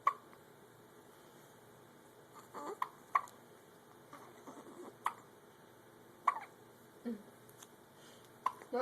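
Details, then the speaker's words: Newborn twins hiccuping together in a quiet room: short, sharp hiccups every second or two from both babies. Normal infant hiccups. "Quick, quick, quick, quick, quick. Y'all both have the hiccups."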